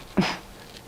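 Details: 15-year-old boy with Tourette syndrome, diagnosed around age six, with vocal and motor tics; a throat noise he calls one of his main vocal tics; vocal tic (throat noise).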